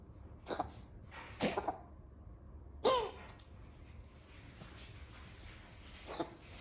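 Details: Dog coughing: several short, soft hacking bursts spaced a few seconds apart, an intermittent dry cough.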